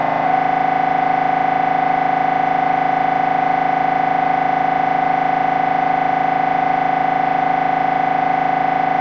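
Loud, steady mechanical droning buzz with a fast regular pulse, the typical sound of an MRI scanner running a brain scan.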